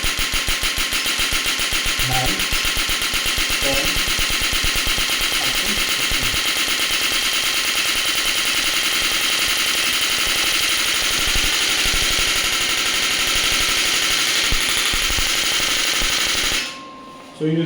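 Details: Biotronix horizontal electromagnetic radial shockwave (ESWT) therapy device with touchscreen and heavy-duty applicator, applied to the operator's own joint with energy and frequency varied: rapid, sharp, evenly repeating mechanical cracks, about four per second, then stopping.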